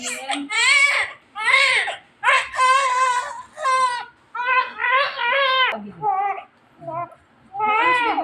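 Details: Repeated loud, high-pitched wailing cries with short gasping pauses from a baby girl just born by normal vaginal delivery at 12:21; newborn cry.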